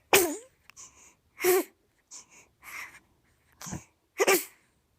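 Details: Sleeping baby wakes and gives several short, sharp sneezes, each with a brief high voiced catch, separated by soft breaths and small vocal sounds, then starts talking; infant sneezing.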